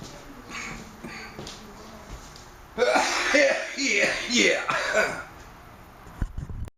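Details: Adult at home coughing after smoking a cannabis honey-oil dab from a water pipe: after a quiet stretch, a short run of harsh, voiced coughs and throat clearing; irritant cough.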